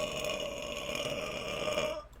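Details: Female streamer's burp from a livestream burp compilation: one long, drawn-out, resonant burp lasting about two seconds.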